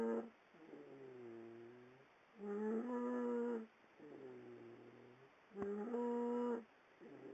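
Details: Pet snoring in bed: whining, squeaky sleep noises on each breath in and out, about 20 breaths a minute, likened to a baby pterodactyl crying.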